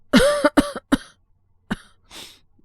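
A short run of three quick voiced coughs, then one more and a breathy exhale; an acted cold cough.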